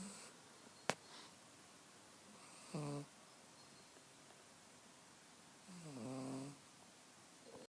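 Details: Two buzzy, fluttering snorts separated by quiet pauses, with a sharp click early on; snoring from a sleeping pug dog, snoring loudly.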